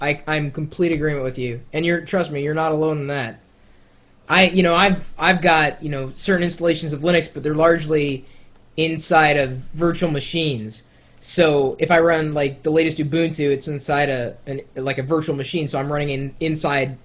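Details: Adult male speaker; ordinary speech.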